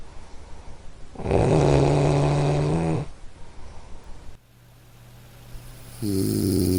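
Loud, buzzing, rattling snores on the in-breath, with quieter breathing between them and a steady room hum: ordinary snoring.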